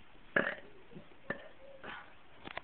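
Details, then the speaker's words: Several short belches, one loud followed by smaller ones, produced on command by someone attempting to burp the alphabet; voluntary burping. "this is burping on command I be able burn my ABCs I don't think I can do it"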